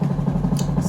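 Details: Air-driven dental motor with irrigation, used in place of a clinical micromotor, running; steady low pulsing hum with a brief hiss of air.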